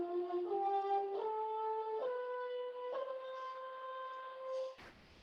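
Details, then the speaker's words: Musician with embouchure dystonia, involving tongue overactivity and compensatory mentalis muscle activity: horn notes climbing stepwise with smeared, unclear attacks and an impure, airy tone. "And here you see it's a tongue, overactivity of the tongue and the mentalis muscles as a compensation, and the tone production is not pure. So the attack is not very clear."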